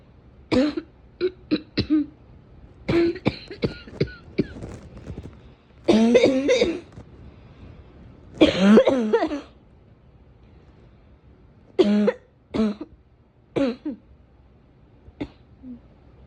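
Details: Repeated short, harsh coughs in clusters, with a few longer, rougher coughing fits between quiet pauses.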